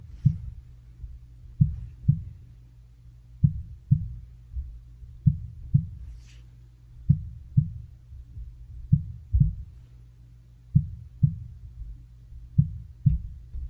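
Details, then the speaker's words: Regular paired low thumps through a stethoscope, about 66 a minute, in a quiet room: an ordinary-sounding heartbeat in a simulated ASMR nurse role-play with a patient said to have pneumonia. "all right so now i'm gonna go ahead and i'm just going to listen to your heart so just your heartbeat and again i'm going to use my stethoscope for that"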